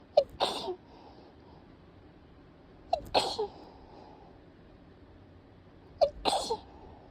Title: くしゃみ sneeze